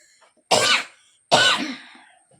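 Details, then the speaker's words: Two separate harsh, forceful cough bursts from an adult in a quiet room with faint background hum; the speaker says talking a lot always brings on coughing, feels short of breath, and suspects a stomach flu. "കുറച്ചു കൂടുതൽ സംസാരിച്ചാൽ എനിക്ക് എപ്പോഴും ചുമ വരും"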